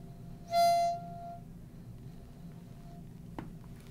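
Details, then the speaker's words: Spacer flow-warning whistle while an asthma inhaler is used with a spacer: a brief high whistling tone, then quiet, signalling the breath in was too fast. "again there was a horn there that meant i was breathing too fast at that little part"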